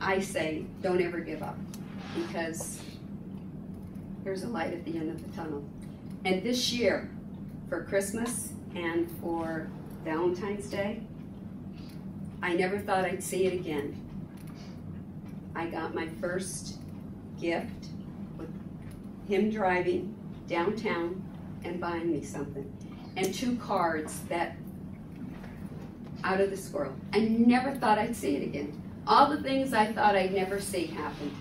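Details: Adult woman; Typical speech.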